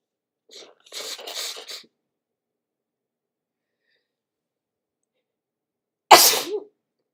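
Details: Morning sneezing in a sniffly person during cooler weather, some sneezes induced with tissue: a short run of fluttering sniffs or nose blowing, then after a pause one loud, explosive sneeze.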